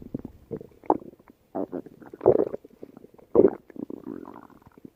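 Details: Stomach growling (borborygmi) late at night: irregular gurgling and rumbling bursts from the belly as gas and fluid move through the gut.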